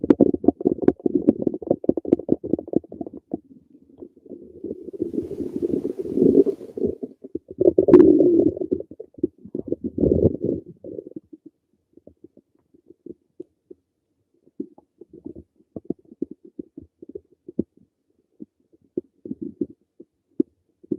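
Irregular low gurgling and bubbling rumbles from an adult's stomach, ordinary bowel sounds.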